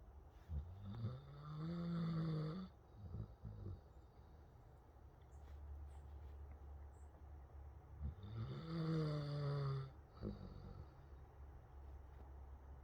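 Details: Snoring while awake: two long, loud, rumbling snore-like breaths several seconds apart, throaty and vibrating, over low background rumble.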